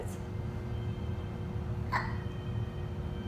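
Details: Hiccups in a baby boy who laughs at them: a single short, sharp infant hiccup over low room hum.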